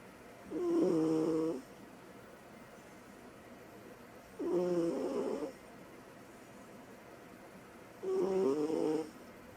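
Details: Three soft, tonal snores about 3.5 seconds apart, roughly 16 a minute, in a quiet room from a female cat sleeping hard after play; cat snoring.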